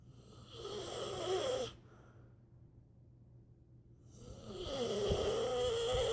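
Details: Two long, rattling snores with a quiet pause between them, steady and loud on the in-breath; snoring.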